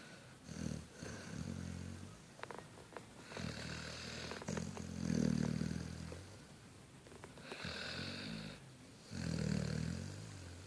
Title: Snoring like a man